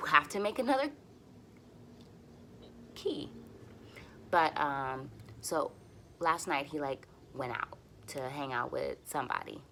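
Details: Stuttering in an adult woman who uses easy onsets, light contacts and voluntary stuttering for nearly fluent speech; she is frustrated and tense here and says her stutters are a little long.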